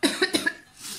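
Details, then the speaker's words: A short run of three or four quick dry coughs in a small room, from a woman ill for several weeks with a hoarse voice, regular coughing and a slightly runny nose: cough. "Alors excusez-moi, hein, je suis un peu malade. Je me traîne une saloperie depuis quelques semaines. J'ai la voix enrouée, je tousse régulièrement, j'ai tendance à avoir le nez qui coule légèrement."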